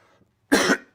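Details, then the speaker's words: Adult man getting over a cold: a single short, harsh cough in a quiet room. "it is the state of Israel's 75th birthday also you will hear me coughing"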